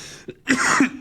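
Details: Adult during a remote podcast interview, who apologizes for their voice: a faint catch, then one harsh, rasping burst of cough with throat clearing.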